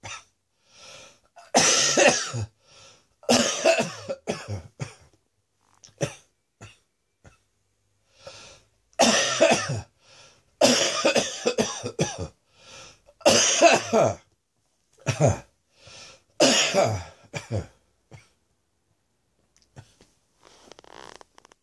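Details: Chesty, productive coughing fit following a chest infection: repeated harsh, deep coughs in clusters.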